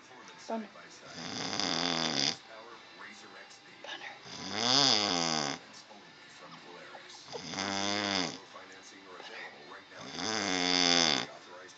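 Loud rattling snores on each breath in, about 20 a minute, with quieter breathing between them. Snoring.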